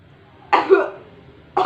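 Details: Demonstration of the effective cough technique after deep-breathing training: one strong, deliberate cough after a held breath, then the start of a second. It is meant to keep the airway open and clear excess secretions, with a sputum container ready.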